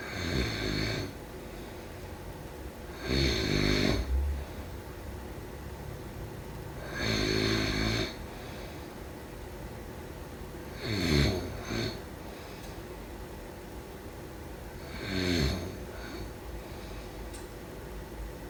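Loud rattling snores about every four seconds, roughly 15 a minute, with quiet breathing out between them.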